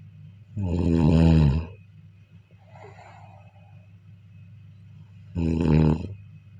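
Two loud, rattling inhaled snores separated by a quiet breath out, with low room hum behind.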